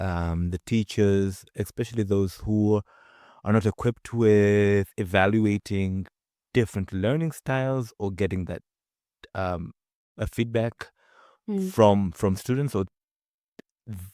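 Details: Adult man from Zanzibar who stutters; stretch with repeated fillers and pauses; stuttering.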